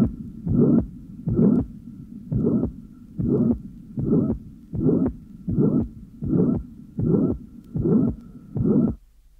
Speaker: the next recording taken at the Apex in a 17-year-old girl with mital incompetence shows a virtually an audible first H sound concentrate on the period immediately preceding the onset of the loud systolic murmur